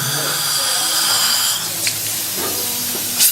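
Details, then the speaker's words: Dental assistant's high-volume suction during treatment, clearing spray from the tooth so none enters the patient's mouth: steady hissing suction with a brief air-water spray burst; dental suction with air-water spray. "suctioning right here is going to get that off of there nothing went into his mouth because of proper plans for the suction"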